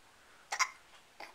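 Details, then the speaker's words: Infant girl's hiccups while her father coaxes her to laugh: two quick, sharp catches of breath close together, then a softer third. "you in the hiccups now you should keep talking"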